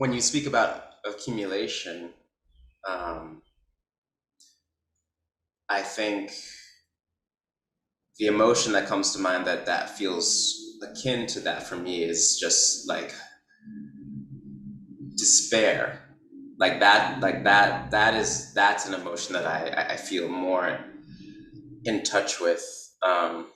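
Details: Man who describes himself as a person who stutters, with silent blocks on his own name where his mouth is open and no sound comes out; stuttering.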